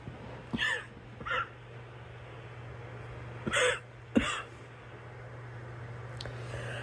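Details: A girl coughing: four separate short, dry coughs over about seven seconds, with a steady low hum in the background.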